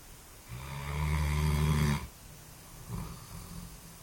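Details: One loud, deep, vibrating snore on the in-breath followed by a softer breath out; snoring.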